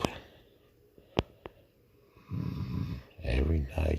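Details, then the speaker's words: Wife snoring nightly while her husband cannot sleep: loud, low, rattling snores, two long rough breaths in a few seconds preceded by a few clicks, in a quiet room. "Snoring away my wife. And what am I doing? Looking at the ceiling."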